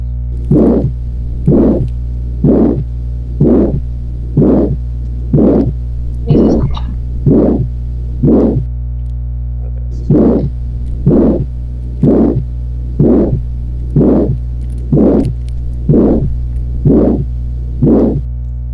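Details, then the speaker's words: Aortic stenosis murmur: regular heartbeat near 62 a minute, each beat carrying a harsh systolic ejection murmur, heard at the aortic focus. "¿Dónde se escucha esto? En el foco aórtico. Foco pulmonar va a estar limpio, foco tricuspidio va a estar limpio y foco mitral puede que tenga irradiación."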